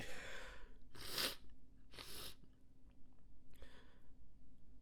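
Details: Several short, muffled, held-back sneeze bursts between quiet breaths, force kept in; stifled sneezes, with a snotty noseblow also in the recording.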